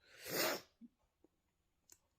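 One strong, hissing sneeze followed by small breaths and faint mouth sounds.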